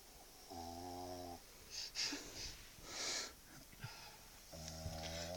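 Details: Chug (Chihuahua-pug) dog sleeping with her head stuck in the owner's pocket, snoring loudly: two buzzing, tonal inspiratory snores separated by hissy, noisy breaths; vibrating snoring.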